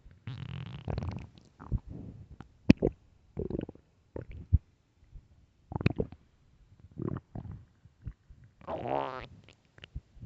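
Irregular low gurgling and rumbling bursts with quiet gaps between them, typical stomach growling from an empty stomach.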